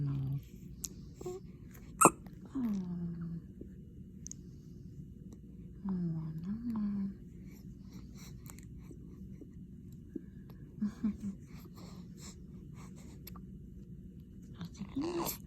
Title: Morning Hiccups😅